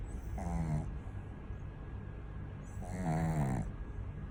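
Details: Two loud, rattling, harsh, throaty snores, one with each breath, from a sleeping pug; loud snoring in a flat-faced dog.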